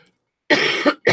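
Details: Adult on the first day feeling better, with a still-running nose blamed for the cough: a harsh, non-productive cough burst, another starting at the end; dry cough.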